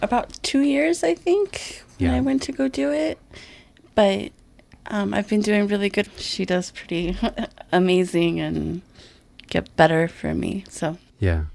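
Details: Aphasia after a stroke in a woman who has attended an aphasia group for about 2 years.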